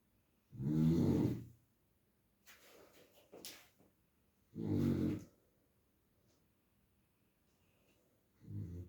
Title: Snoring long Dance Video 🙂